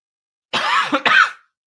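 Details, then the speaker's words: Adult who says they have been sick with a burning throat and a changed voice since fog in Utah gives two hoarse cough bursts in quick succession; cough. "And you can hear, like, I'm sure you guys can tell, my voice is not the same. I am sick ever since having the fog here in Utah."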